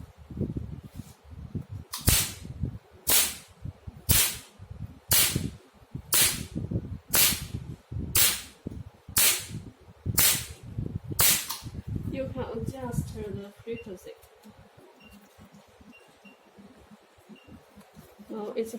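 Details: Multifunction OPT/RF laser machine, laser handpiece with black doll tip test-fired at highest energy via foot pedal: sharp snapping laser pulses at about one per second, ten in a row, then stopping, over music and room noise.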